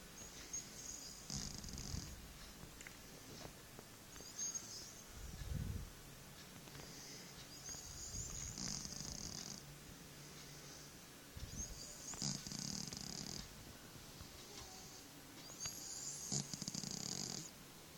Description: Our cat, Smudge snoring on my arm!